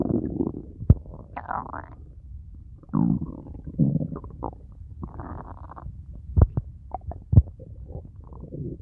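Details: Loud, prolonged, intense gurgling and rumbling bowel sounds with sharp bursts, heard on abdominal auscultation of a distended abdomen; with pain these indicate mechanical ileus (intestinal obstruction): hyperactive borborygmi.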